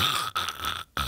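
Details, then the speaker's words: Adult man, whose partner reports worsening sleep apnea, imitates his sleep on his back: rough snorting breath, brief stop, then a gasp; imitated snoring with obstructive sleep apnea. "i'm gonna be on my on my back going this is literally what i sound like by the way"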